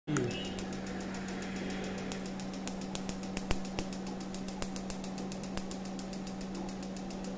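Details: Nd:YAG laser tattoo removal on the shoulder area: steady machine hum with sharp, irregularly spaced snapping clicks of laser pulses.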